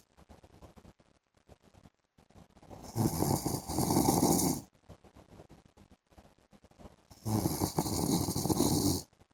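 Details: Adult man (husband) asleep in the afternoon: two long, harsh, rattling inspiratory snores with softer breathing between; loud snoring.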